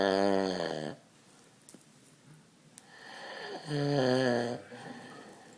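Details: Man's heavy snoring during sleep: loud, rough, fluttering inspiratory snores, two in about five seconds, with quiet pauses between.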